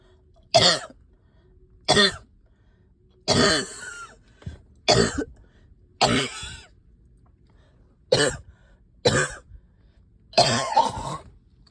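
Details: Eight harsh coughs over about twelve seconds, some with a wet rattling tail: a loose productive cough with stubborn sticky phlegm, coughing all night, with a heavy chest and headache.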